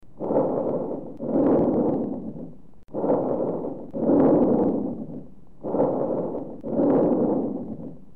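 Three smooth, hollow breath cycles with an expiration as long as inspiration: normal bronchovesicular breath sounds.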